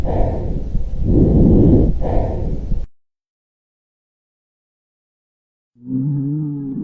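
Soft, low rushing breath sounds over the chest, typical of normal vesicular breathing.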